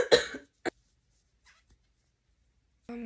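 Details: Sick person, sweating, coughs while crocheting: one harsh cough with a short follow-up burst, then quiet.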